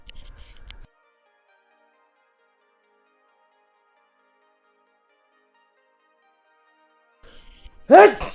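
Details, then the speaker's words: An adult gives a random sneeze while pacing and thinking, with flip-flops flapping. "Oh, squeeze me. Sorry. You can also hear the random sneeze. Too much thinking makes me uh makes me sneeze."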